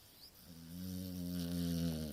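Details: Sleeping Staffordshire terrier snoring: a single drawn-out, low-pitched, buzzing inhaled snore with a steady rattle; ordinary dog snoring.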